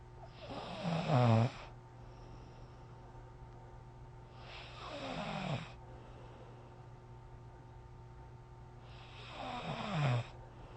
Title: How loud can my snoring go☺️